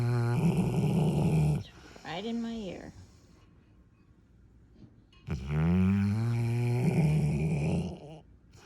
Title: his snoring